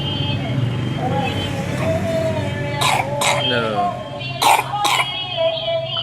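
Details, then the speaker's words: A young child, ill with cough for 2 days and already examined by a doctor, gives several short abrupt coughs in pairs between voiced sounds, with background music. "Kasihan adik batuk, sudah diperiksakan tapi tetap."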